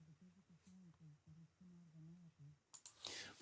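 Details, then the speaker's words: Hearing loss simulation of bilateral severe-to-profound sensorineural hearing loss, left side: a faint, muffled female voice reading, reduced to low murmuring tones with no intelligible words. "So for the majority of the people watching this video, they'd probably say that there was no sound at all on the left side. Unless you're really turning up the volume, and as I say, the conditions are correct, you probably hear a little murmur."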